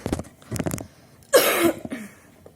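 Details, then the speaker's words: An acted productive cough: a few soft throaty sounds lead into one loud, harsh cough that brings up mucus. "Lendirku keluar."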